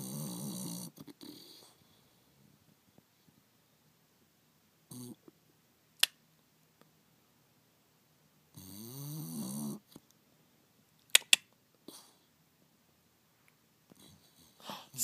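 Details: Bulldog twitching while asleep under a chair beside a heater: intermittent soft snorting snores with quiet gaps and a few brief clicks or rustles; snoring.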